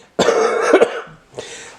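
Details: Adult man with a cold, chest and nasal congestion coughs hoarsely twice, a harsh burst followed by a weaker, breathier one; cough.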